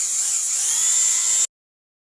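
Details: A steady high-pitched whine of a dental drill running for about a second and a half, then stopping abruptly; a stock sound effect.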